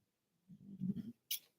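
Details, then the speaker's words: Pet dog snoring pretty loud in the background during a live tarot reading: quiet, low rumbling breath sound from a sleeping dog, followed by a brief soft hiss; snoring. "If you hear snoring, that's the culprit in the background, my dog. My dog's snoring pretty loud, so you might hear it in the background."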